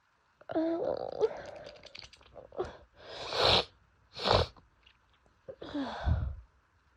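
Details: Several sneezes in a row, each preceded by a drawn-in breath, with sniffing between; sneezing fit from pollen allergy during allergy season, daily for a month despite medication.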